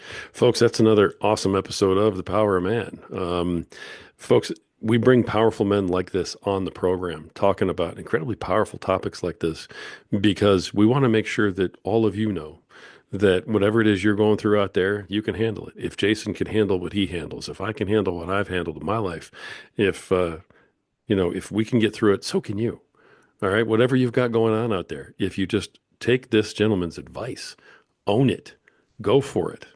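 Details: Adult male speaker; typical speech.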